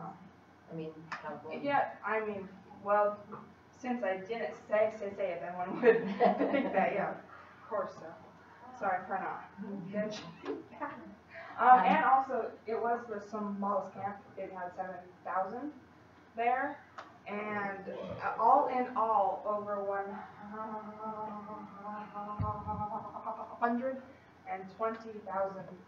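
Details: Female college student who stutters, giving a practice presentation to 10-15 people at her speech therapy clinic; stutters more before unfamiliar people or large audiences and works with a speech-language pathologist on a technique; stuttering.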